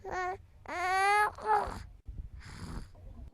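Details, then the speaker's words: Short infant coos, grunts and babbling with small breathy noises between them, heard through a stethoscope during an infant assessment; normal baby vocalizations that can mask chest and bowel sounds. "yes okay that's my audio for the little baby noises that they make while you're trying to listen to them"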